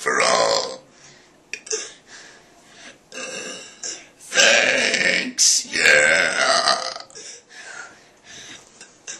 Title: The Pledge Of Allegiance (in burps)